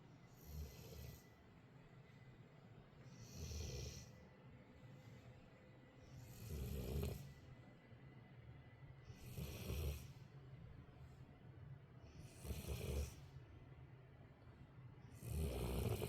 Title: Sleepy dog #snoring #dogs #dogshorts